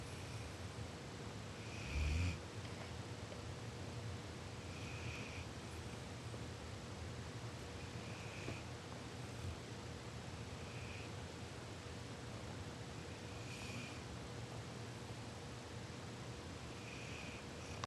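Faint, regular snoring at about 20 breaths a minute, half masked by steady background hiss.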